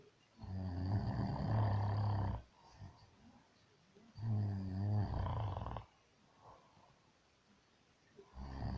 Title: He says he don't snore